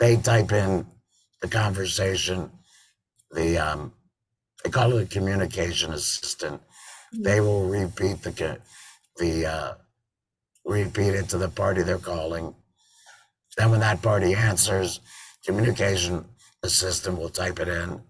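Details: Adult man with total laryngectomy in February 2019 and a tracheoesophageal voice prosthesis since September 2019, sometimes also using an electrolarynx: tracheoesophageal speech.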